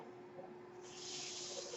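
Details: Mechanical ventilator noise from the speaker's own ventilator, heard in the background as they talk.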